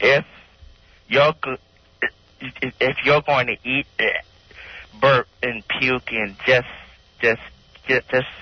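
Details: Stuttering in a 16-year-old male who says he stutters especially when nervous, reading aloud from a magazine.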